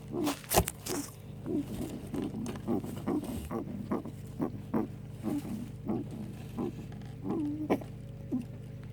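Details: 4-year-old male guinea pig making short, rhythmic, squeaky huffing noises, about a dozen in quick succession, persisting after a vet visit; owner unsure whether coughing or sneezing.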